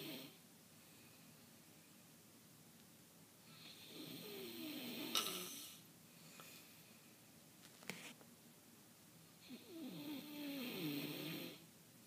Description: Woman snoring really loud ad awkwardly and making a little bit of some other noises